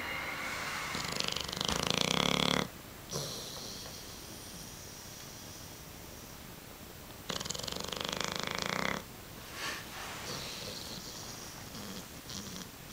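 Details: Old Tyme Bulldog snoring: two long, loud, rattling inhaled snores about five seconds apart with quiet breathing between.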